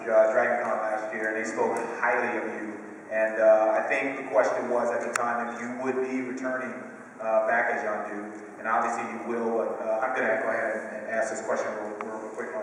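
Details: Adult male speaker; normal voice.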